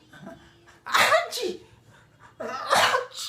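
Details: Sneezing to amuse a baby: two loud sneezes, each a sharp intake followed by an explosive noisy burst.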